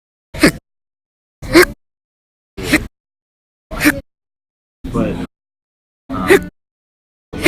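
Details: Short, abrupt gulping catches about once a second in a quiet room, from persistent hiccups that reportedly lasted about 10–13 hours a day in December 2019; hiccups.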